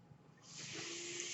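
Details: Real podcast recording in which the speaker explains that the noise heard is his own mechanical ventilator; ventilator airflow heard in the background of speech; mechanical ventilator noise.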